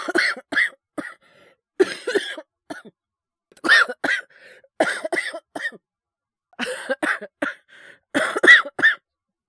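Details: Japanese boy with influenza, coughing while streaming, gives repeated short dry coughs in clusters of two or three, roughly fifteen coughs; cough due to influenza.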